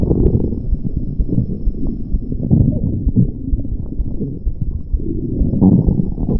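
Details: Continuous low, loud, close rumbling and gurgling stomach growls, recorded as vore audio. Borborygmi.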